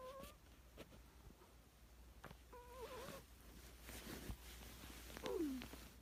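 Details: Soft, squeaky whistling snores about every two and a half seconds from a cat sleeping under a quilt, over a quiet room hum.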